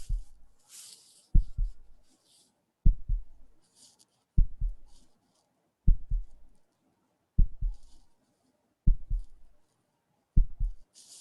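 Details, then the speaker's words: Heartbeat of "person A" played in a talk on heartbeat sonification, listeners asked to infer his emotional state: slow, steady double thumps about 40 a minute with soft hiss between beats; heartbeat. "so what can you infer about his personality or emotion state from listening to this heartbeat and i'm gonna play it"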